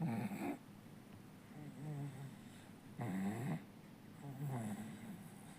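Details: Snoring in a sleeping 4-month-old baby: rhythmic snoring in both breath phases, with a rattly vibration on each breath, surprisingly loud for an infant.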